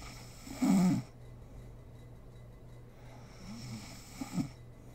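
A short, low snore followed by softer snorting breaths against steady room hum: light snoring.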